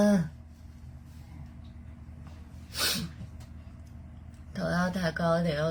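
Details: Girl during a Covid-19 nasal swab test, from a TikTok compilation: a sharp sneeze breaks through quiet room noise, followed by a strained vocal sound; sneeze induced by the nasal swab.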